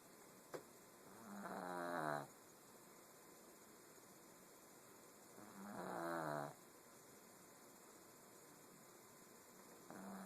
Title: My Snoring Pug